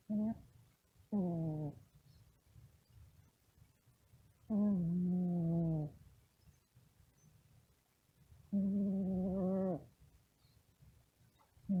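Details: Droning, tonal snores from a sleeping cat, about 15 a minute at an uneven pace with quiet pauses between them; cat snoring.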